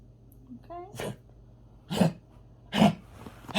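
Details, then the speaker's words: Three short, harsh, explosive coughs about a second apart with a faint whine before, from a pet dog that owner says sometimes coughs like that during the day; dog cough. "Sometimes he'll cough like that during the day."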